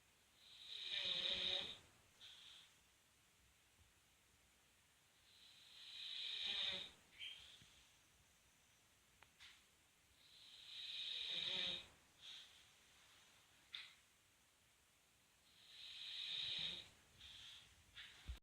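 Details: Bullmastiff dog giving loud, hissing snores with each breath, about 12 a minute, with a small snort after each; snoring.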